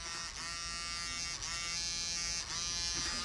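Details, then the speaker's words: Vibrating device with sound distraction used while a dentist gives a patient a dental injection in a TV demonstration: steady high-pitched electric buzz with slight regular pulsing; the patient reports feeling nothing. "let me tell you what happens first of all we have the vibration going okay it also has a sound distraction okay what I'm going to do is I'm going to give him a little injection right here"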